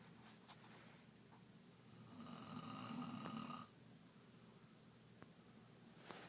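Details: A wife's single soft, fluttering snore on an in-breath during sleep, set against quiet room noise; ordinary snoring.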